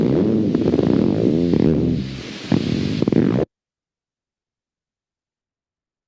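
Rapid buzzing electrical discharge that rises and falls in pitch and speed, a dive-bomber sound; myotonic discharge on needle EMG.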